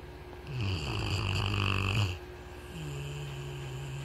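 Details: A single loud, low rattling snore on the in-breath, then softer steady breathing; ordinary snoring.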